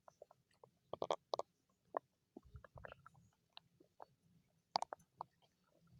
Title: Stomach growling~ for you♥